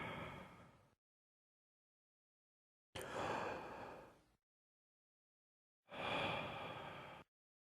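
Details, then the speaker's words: Bronchial breathing heard on chest auscultation during a physical examination: harsh, high-pitched, hollow blowing breath sounds like those heard over the trachea. "bronchial breathing is a high-pitched breath sound with a hollow or blowing quality similar to that heard over the trachea during tidal breathing"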